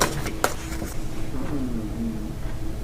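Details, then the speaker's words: Stomach growling (borborygmi) in a hungry woman during a tarot reading: a few light clicks, then a low, drawn-out gurgling tone sliding in pitch. "that was my stomach."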